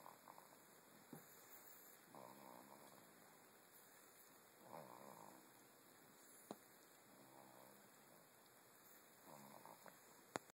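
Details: Quiet regular snoring, a soft buzzing rattle with each breath in, about 25 breaths a minute, over faint electrical hiss.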